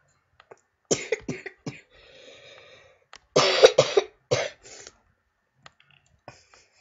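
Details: A person during game commentary: about six rough coughs with throat clearing in two clusters, with a faint breathy sound between; coughing fit.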